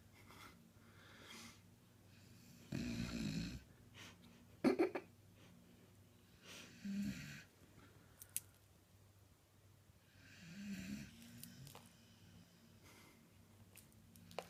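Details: A sleeping beagle snoring: irregular snorting snores and soft nasal breaths, with a few louder snorts; ordinary dog snoring.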